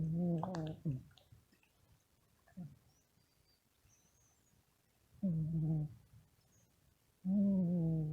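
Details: Sleepy, lazy cat snoring.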